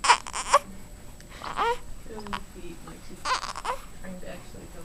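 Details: 13-day-old infant fussing during tummy time: short cries and whimpers with babbling sounds, broken by brief catches, over room noise.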